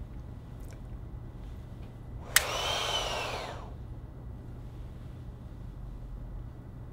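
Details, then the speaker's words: Genuair dry powder inhaler for COPD, demonstrated: a sharp click, then about a second of strong, deep rushing inhalation as the control window turns from green to red; the click shows the dose was released. "هنگامی که نفس دارین میکشین، این رنگ کنترل از سبز به قرمز تغییر میکنه و شما یک صدای کلیکی هم میشنوین."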